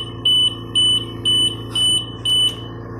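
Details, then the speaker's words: Oxygen concentrator with a newly changed filter, in service mode with no pressure, tested after a patient complained he could not tolerate its oxygen flow: loud high-pitched beeps about twice a second over a steady machine hum; no-flow alarm. "Wala siyang flu kaya nag-a-alarm guys. Wala siyang flue."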